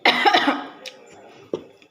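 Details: Short run of harsh coughs then a smaller single cough, an irritant cough set off by very spicy chili sauce while eating chicken noodles (mie ayam).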